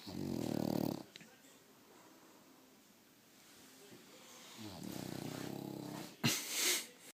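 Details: Loud, rough, buzzing snores ending in a snort from a sleeping French Bulldog, a flat-faced short-nosed breed, sleeping with eyes open.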